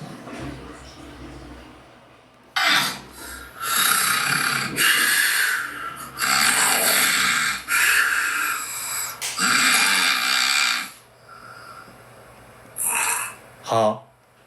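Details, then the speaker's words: Recorded sleep breathing of an adult man with severe obstructive sleep apnea: very loud, harsh snoring breaths in rapid succession. He has long breath-holds with no airflow despite abdominal effort, then may half-wake from suffocation and resumes breathing. "It's very exaggerated, including the sound of his breathing and the length of time he holds his breath."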